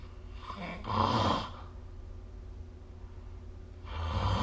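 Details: Snoring recorded with the SnoreLab app: soft, low rumbling snores on breathing in over a steady background hum; quiet snoring during sleep.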